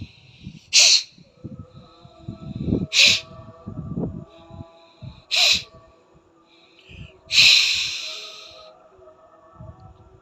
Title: Sneezing l Nose drying after Jala Neti l Skull health